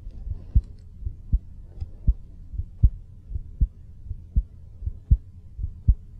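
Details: Regular low thumping heartbeats with paired beats, about 70 a minute, of a person recorded in a studio with a mic half a foot from the body; loudness shifts as levels were adjusted; a normal heartbeat.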